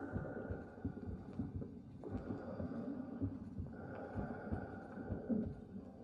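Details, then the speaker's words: Deep, muffled rushing rumble with steady soft thumps of the mother's heartbeat, plus breathing and stomach gurgling, as heard in the womb from about four and a half months after conception; intrauterine sounds. "in the womb all the time 24 hours a day heartbeat breathing and stomach gurgling this is what you heard four and a half months after the conception"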